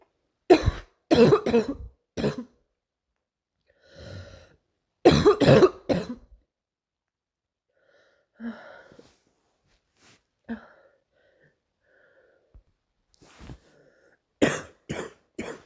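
Clusters of sharp coughs with pauses and some throat clearing, about a dozen coughs in a recurring coughing bout.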